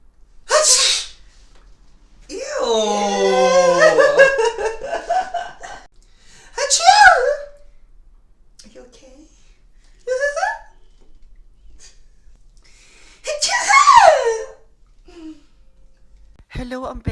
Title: Iba't Ibang Haching - Types Of Sneezes (Tagalog Version)